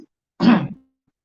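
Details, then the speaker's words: A single short, rough throat clear from an adult man pausing mid-speech, who says his voice is broken and will recover before Sunday. "Sorry for my voice. My voice is broken, but it will come back before Sunday."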